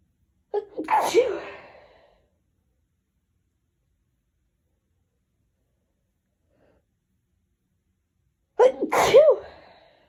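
Two separate sneezes, each with a short catching breath before the burst, about eight seconds apart with silence between.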